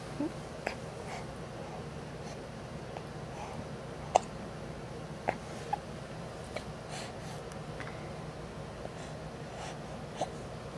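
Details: Hiccups: soft, sharp little hic sounds recurring at irregular intervals over a quiet room hum.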